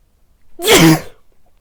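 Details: Sneeze from a person in a Santa Claus outfit wearing a facial mask and white headphones: a single sharp, explosive sneeze in a quiet room.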